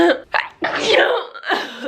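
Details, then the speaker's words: Adult woman's voiced sneeze after announcing she has to sneeze: a quick breath in, then a loud noisy burst with a trailing vocal sound. "oh I have to sneeze get it out get it out come on come through come through girl that felt so good"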